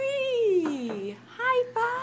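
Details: Speech of a profoundly deaf boy just turned three with bilateral Cochlear Nucleus Freedom implants (simultaneous surgery), hearing just over 2 years with the right implant and 22 months bilaterally, talking with his mother.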